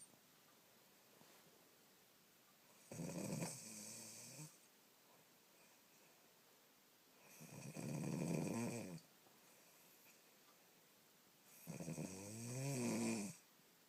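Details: Three loud, rattling snores from a sleeping dog, about 13 breaths a minute, with quiet pauses between; snoring that keeps someone up all night.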